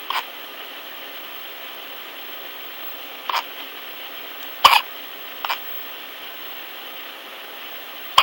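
Brief, sharp hiccup sounds at irregular intervals, about 17 a minute, over steady background hiss.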